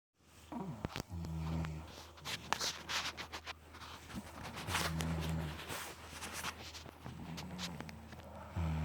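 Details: Low buzzing snores recurring every few seconds from a sleeping mother dog and her baby, with rustling and clicks around them; ordinary snoring during sleep.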